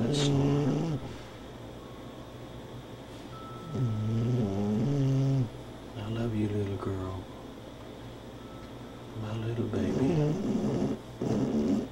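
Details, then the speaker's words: Female dog sleeping and snoring softly: soft, low, rhythmic snoring over a few slow breath cycles in a quiet room. "Such a soft little snore. A soft little snore."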